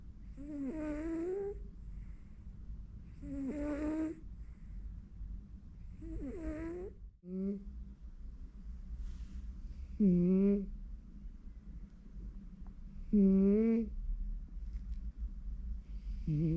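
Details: Two pet cats sleeping during home office, snoring rhythmically at about 19 breaths a minute over a steady low background hum; normal cat snoring.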